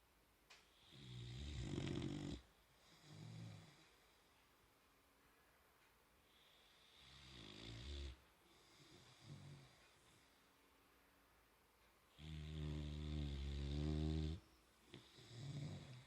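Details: Sleeping boxer puppy snoring with tongue out: loud, low rattling snores on each breath, with quieter breaths between.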